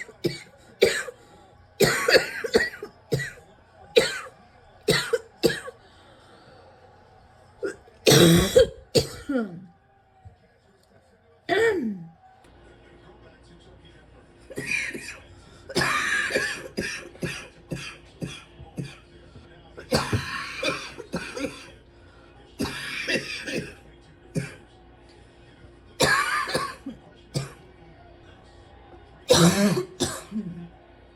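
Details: Repeated bursts of harsh coughing, some in quick runs, with brief pauses and throat clearing between them: a persistent coughing fit, continuing from an earlier episode.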